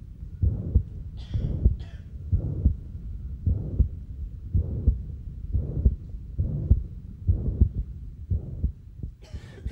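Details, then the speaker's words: Moderate non-rheumatic mitral regurgitation, heart rate near 67 per minute: a soft first sound, then a loud harsh holosystolic murmur of constant volume up to a normal second sound, with no added sounds. "murmur extends all the way to the second heart sound, maintaining a constant volume. The second heart sound is normal and there are no added sounds."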